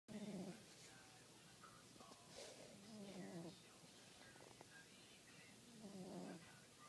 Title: Tiger snoring